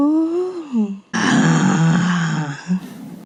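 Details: Female patient's disordered voice from a GRBAS practice sample, rated severe breathiness from air leakage through the vocal folds with difficulty sustaining vowels; overall hoarseness grade 3; severe breathy voice.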